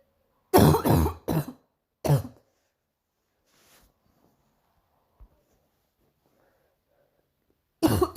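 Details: Morning coughing bout: a burst of four loud, harsh coughs, a long quiet pause, then another cough.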